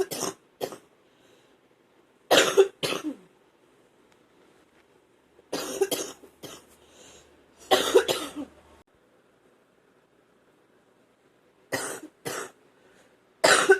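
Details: Person coughing up phlegm again, saying they feel like they are drowning in it: bursts of harsh, loose coughing in short clusters with a moist, rattly quality. Productive (wet) cough.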